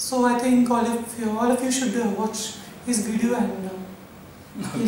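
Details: Male patient with a high-pitched voice for 9 years, recorded before voice therapy; puberphonia.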